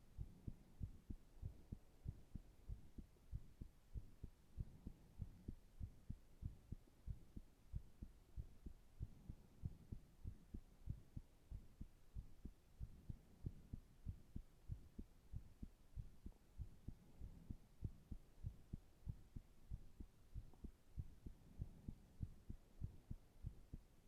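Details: Steady, low lub-dub heartbeats at rest over a soft background hum, a regular resting rhythm: normal heart sounds at rest.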